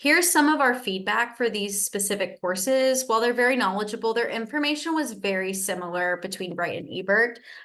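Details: Adult woman speaking; typical speech.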